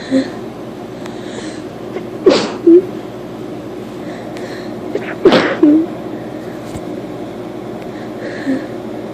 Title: Sneezing for a sec